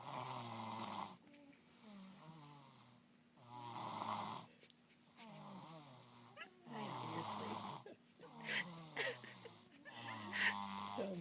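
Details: 3-year-old girl snoring in a quiet room: soft, vibrating snores on each breath, about 18 breaths a minute, with some rattling and squeaky noise; snoring.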